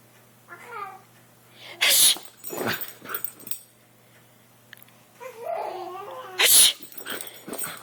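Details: Two sharp, loud sneezes a few seconds apart, partly imitated, with a frightened dog whimpering between them in a small room: sneezing.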